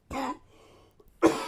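Two short, light, dry coughs from an adult man, with no wet rattle; a dry cough during a tuberculosis flare-up.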